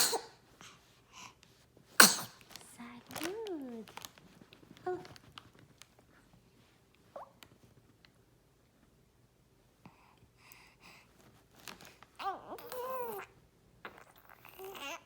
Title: Cute baby sneeze